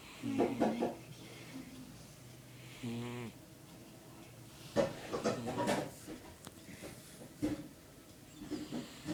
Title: My cat snoring while sleeping